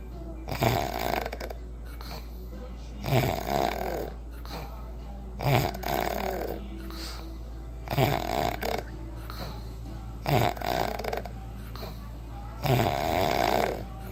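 Loud rattling snores recur about every two and a half seconds, roughly 25 a minute, each on a breath in, over steady low room hum.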